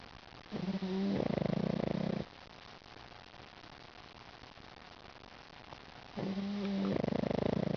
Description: Smiling pug sleeping and snoring.